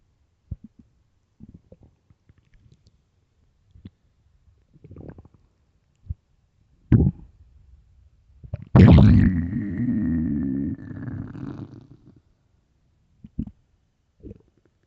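Scattered gurgles, then a long, loud, groaning stomach growl lasting about three seconds; ordinary hunger rumbling of an empty stomach.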